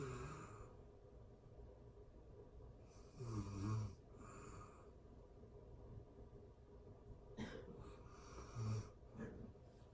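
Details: Sleep snoring for anxiety relief: quiet, spaced snoring breaths with occasional low snorts over faint background hiss.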